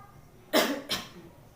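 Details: Nursing student practical demonstration of deep breathing and effective cough technique, performed by a classmate: after a held deep breath, two forceful coughs in quick succession to clear the airway.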